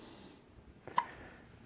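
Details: Howard, who had just eaten, with hiccups: a single short, abrupt hiccup-like gulp in a quiet room.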